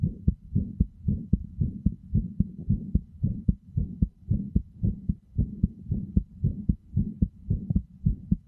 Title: Heartbeat sounds are said to aid sleep; wearing headphones is recommended for best results.